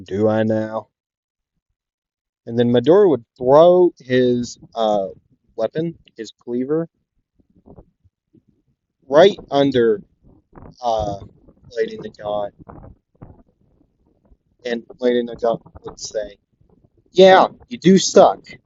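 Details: Male narrator who says he stutters a lot and repeats things, repeating the word 'the' several times; stuttering.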